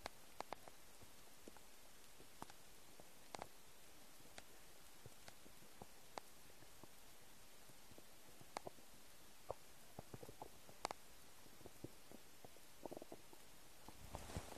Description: English: New noises of my empty stomach.